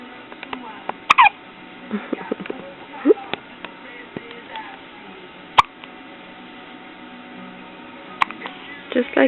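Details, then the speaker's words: Infant girl, 9 days old, with hiccups: sharp hiccups recurring about three in nine seconds, with soft vocal sounds between them; infant hiccups. "okay, baby. Grace has the hiccups."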